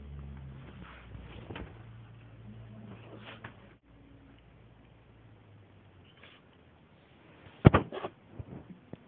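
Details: A cat sneezing: after a quiet stretch with low room hum, one sharp, sudden sneeze burst, then a smaller one, then soft snuffles.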